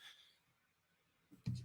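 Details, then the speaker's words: An adult podcast host sneezes during a sports talk show: a short hiss, a near-silent pause, then a sudden loud burst, followed by an apology for the sneeze. "excuse me as tight in you that sounds sorry for the sneeze no no this sneeze doesn't sound funny"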